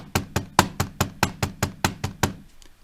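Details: A quick run of about ten sharp knocks, verbally imitating a three-sound heartbeat with an extra sound just after S2, in a lecture on left ventricular hypertrophy; imitated third heart sound (S3).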